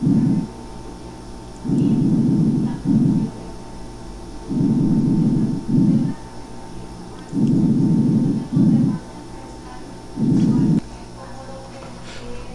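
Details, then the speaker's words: Normal vesicular breath sounds on chest auscultation: soft, even, fine, low-pitched breathing at about 22 breaths a minute. "ponemos de nuevo fíjense cómo un sonido más suave parejito fino si lo comparamos con este"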